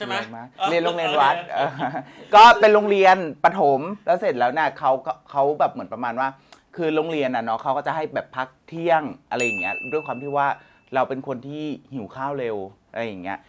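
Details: Thai speaker from a group of people who stutter, heard during a challenge game; stuttering.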